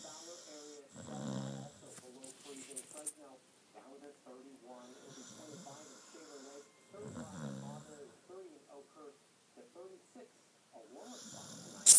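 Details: Two fluttering snores about six seconds apart over hissing background with short noise bursts, loud enough to wake the listener; snoring during sleep.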